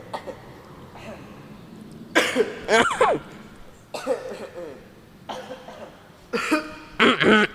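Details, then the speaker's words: Several deliberate, acted coughs in short bursts with throat clearing between them, in a skit about intentional coughing invalidating prayer; cough. "hai hai Hai perkara yang membatalkan salat batuk yang disengaja"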